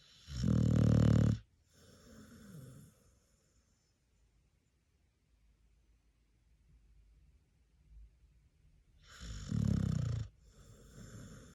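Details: Sleeping pit bull dog at naptime: two loud, rattling inhaled snores about eight seconds apart, each followed by a softer outward breath, in a quiet room; ordinary snoring.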